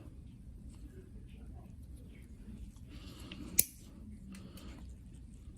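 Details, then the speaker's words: Single sharp crunching snip as a toenail nipper cuts through a thick, crunchy, layered toenail of an older male diabetic patient with prior stroke, in a quiet clinic room with faint talk. "piece that want to come out. Cut this piece a little bit there."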